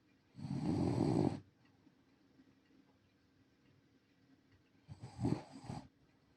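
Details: Two rough, rattling snoring breaths in a quiet room from a sleeping senior rescue Shiba Inu dog; ordinary snoring.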